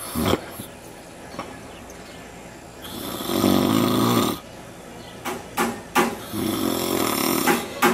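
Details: A man napping in the backyard snores loudly and roughly, with a rattling noise on each in-breath and short pauses between breaths; snoring.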